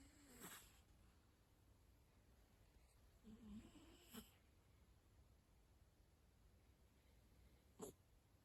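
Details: Sleeping cat: quiet, soft snorting breaths recurring every few seconds, about 16 a minute, over low room noise; snoring.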